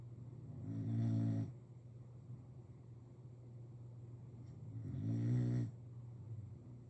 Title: Listen to those bulldog snores. #sleepy #bulldog #trumanandtrenton